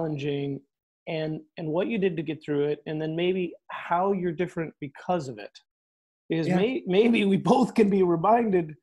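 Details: Adult speaker; normal voice.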